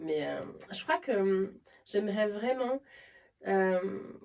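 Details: Adult woman speaking French; normal fluent speech.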